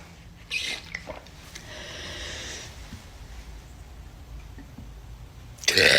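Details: Two girls burping: a short throaty burp early, quiet room noise, then a louder burst at the end; ordinary belching.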